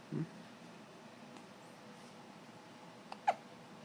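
Two brief, soft, abrupt catches a few seconds apart against quiet room noise. These are an infant's hiccups.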